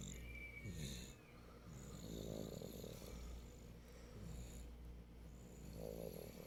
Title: a very loud snore